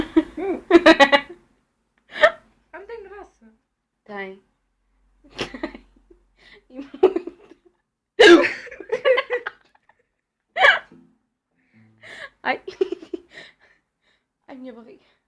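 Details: About six sudden, sharp gulping hiccups broken up by giggling and laughter; hiccups.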